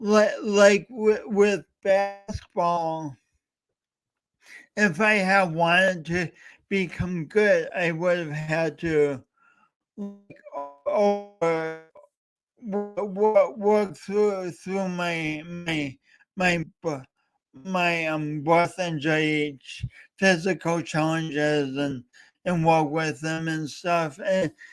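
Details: Male host with a self-described speech impediment, coached for years, talking live for three hours straight as a challenge; stuttering.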